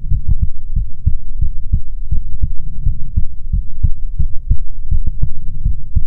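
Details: Soothing ASMR heartbeat recording: steady deep paired thumps under a low hum, recorded close up; a normal heartbeat.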